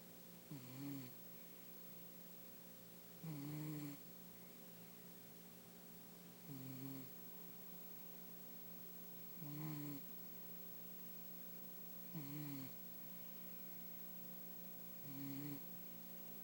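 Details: Six low, buzzing snores at about 21 a minute, in a quiet room with a steady hum; snoring.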